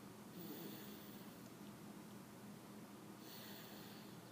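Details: Soft, steady snoring breaths with a faint rattle under constant room hiss: snoring.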